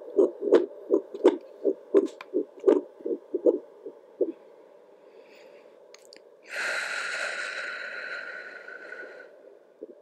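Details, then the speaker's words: Own heartbeat on a home Doppler heart monitor, consistent at 80 beats a minute, rhythmic whooshing pulses followed by a burst of static; normal heartbeat. "but my heartbeat is definitely pretty consistent 80 beats per minute"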